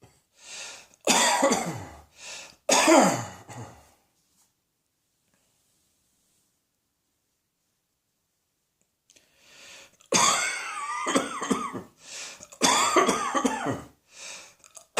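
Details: Two clusters of harsh forceful coughs, about nine bursts, separated by a long silent pause; cough.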